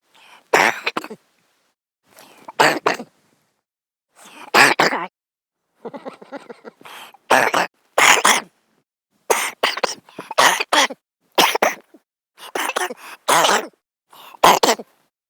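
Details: Man coughing during sleep: about a dozen short, harsh coughs, single or paired, with quiet gaps between them.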